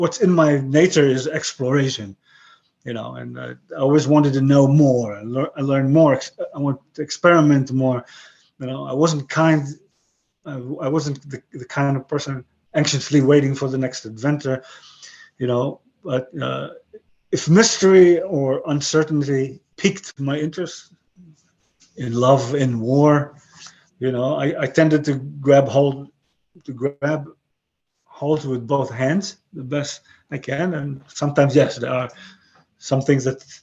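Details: 62-year-old man with aphasia following a stroke about 11 years earlier; he retains broken English and Hebrew but lost his other languages; aphasia.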